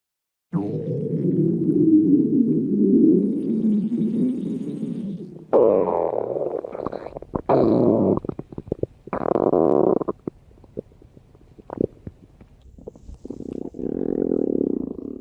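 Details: Long low gurgling stomach rumbles with bubbling, squeaky bursts and pauses, self-recorded by a woman; borborygmi.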